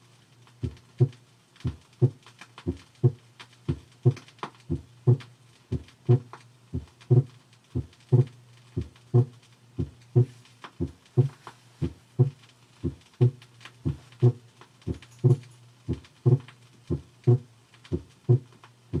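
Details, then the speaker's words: Steady heart sounds near 60 a minute, the second sound splitting on inspiration as the pulmonic component follows the aortic: normal physiological splitting. "thus when you hear splitting of the second sound with inspiration it is the foam onyx second sound which forms the second component of the split sound listen to normal splitting of the second heart sound with inspiration figure 2a"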